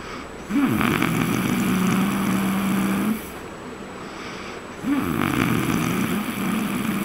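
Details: Snoring recorded on a trip to Raigad: two long, loud, droning snores with a rough, rumbling tone, separated by a short pause against a steady room hum.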